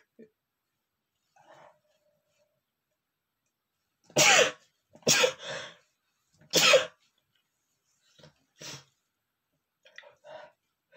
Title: male sneezing #27 (I have a strong allergy to perfume)